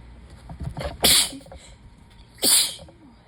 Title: 7/16 - sudden, desperate sneezing fit